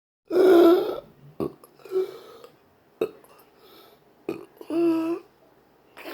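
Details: Intractable persistent hiccups with breathing and choking spasms, recorded June 23, 2019: abrupt throat catches and strained croaking bursts about every second with gagging; the patient reports erratic stomach sphincter muscle control, and the cause is undetermined.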